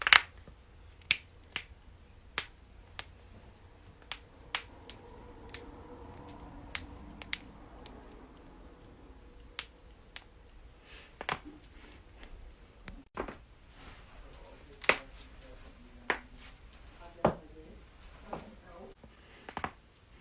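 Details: About twenty repeated sharp pops and clicks from spinal joints cracking during back adjustments in a quiet room; back cracking (joint cavitation).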